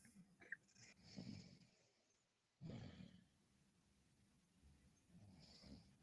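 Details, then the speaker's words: Someone who fell asleep gives two rough, throaty snores a couple of seconds apart amid faint room noise; ordinary snoring. "do sound like this [ __ ] snoring y'all hear this [ __ ] snoring y'all yo where you wake up God damn it"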